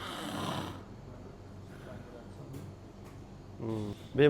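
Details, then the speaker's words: Patient with snoring and apnoea during sleep endoscopy, asleep: rough snore, long quiet pause, then snorting, gasping breath; endoscopy found enlarged soft palate, tonsils and uvula, polysomnography done the night before: snoring with obstructive sleep apnoea. "Navbatdagi bemorimiz xurroga otish va apnoyi boʻyicha kelgan. Xurga otishini o'zingiz ham koʻrishingiz mumkin."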